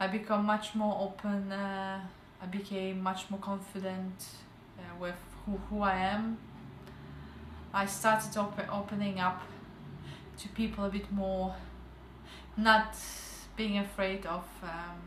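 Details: Stuttering in an adult woman who began stuttering at age 12 and has since gone through a stuttering program, still reporting slight speaking difficulty; word repetitions audible.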